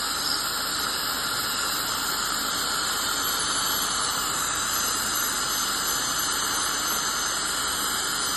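Steady high-pitched hiss and squeal of dental cleaning instruments running continuously: ultrasonic scaling with air-polishing.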